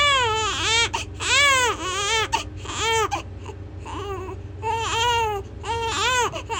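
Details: Baby crying loudly: strong, high-pitched repeated rising and falling wails with short gasps between; a vigorous infant cry.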